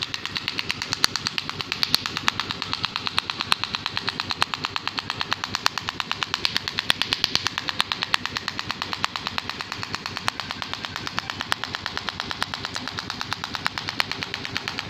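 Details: Even, sharp tapping pulses about once a second for fifteen seconds from an SW12 extracorporeal shockwave therapy device treating a male client's problem thighs and toes (unclear in speech) for pain relief.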